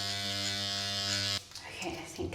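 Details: Loud steady electric buzz of a Dr. Pen M8S microneedling pen motor, stopping abruptly then faint room noise, during first-time at-home facial microneedling with 42-needle cartridge at 0.3 mm depth, no numbing cream; microneedling pen motor running.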